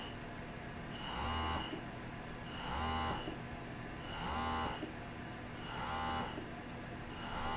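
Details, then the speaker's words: Motif Roam electric breast pump running in expression mode, stepping through levels 1–4 with a pause before each cycle: rhythmic motor whirs with suction pulses, about 39 a minute, over a low hum. "So you hear that kind of pause. It's like a pause before it starts the next one."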